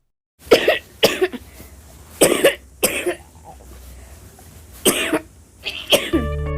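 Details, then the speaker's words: A child with chronic persistent wet cough gives about six loose, rattly, mucousy coughs in short bursts; such coughs occur most days for weeks and may signal serious lung disease such as bronchiectasis. "it sounds like the children have got mucus down in their chest and it usually occurs most days and can go on for weeks at a time here is an example this"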